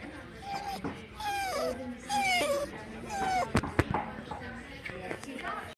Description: My dog is crying because he is getting shots at the vet